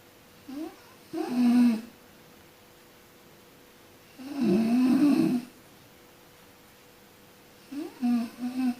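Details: A sleeping person snoring: low rattling snores on each breath, about three cycles over nine seconds, with quiet pauses between.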